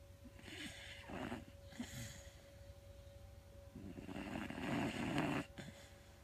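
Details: Sleeping, dreaming animal snoring: soft, uneven snorting breaths with a fluttering rasp, two or three within a few seconds.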